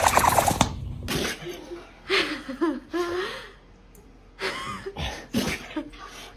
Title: Dog sneezes 🐕🦴#funny #dog #cat #videos #catsoftiktok #fyp #foryou #pet #petsoftiktok #puppy #duet